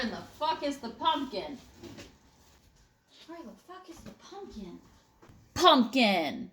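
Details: Person with Tourette syndrome, also reporting conversion disorder and psychogenic non-epileptic seizures, with a service dog alerting to tic attacks; repeated words and swearing; vocal tics (Tourette syndrome).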